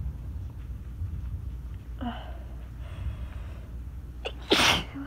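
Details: Someone who already felt tickly-nosed, recording during a rainstorm, gives a quick inward breath then one loud explosive sneeze over soft room noise.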